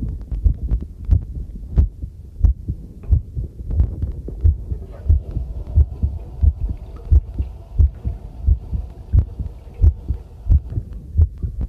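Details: Own normal heartbeat recorded with a homemade field stethoscope microphone during housework: steady, regular beats at about 90 a minute, with faint running water and clinking dishes behind.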